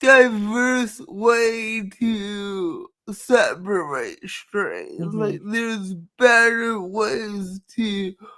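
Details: Dysarthria in a woman with cerebral palsy, who says her speech is due to cerebral palsy and nothing can be done about it.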